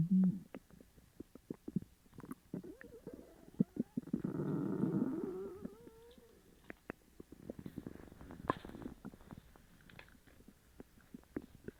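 Gurgling, bubbling rumbles with a drawn-out squeaky groan midway and scattered pops; loud stomach rumbling of an upset gut.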